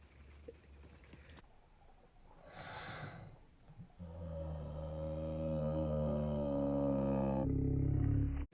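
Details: Sneeze from an adult with a cold (nasal congestion, cough), played back in slow motion: a hissing intake, then a deep, drawn-out roar.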